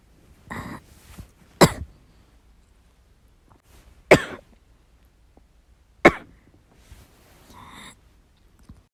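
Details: Hard coughing while recuperating from illness: three sharp, forceful coughs spaced a couple of seconds apart, with softer breathy sounds at the start and end.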